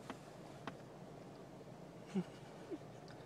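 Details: Hiccups in a 2-month-old female blue heeler puppy: four brief, soft hic sounds over about three seconds in a quiet room with faint background hum.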